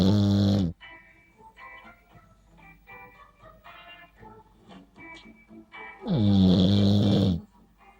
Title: Sleeping dog snoring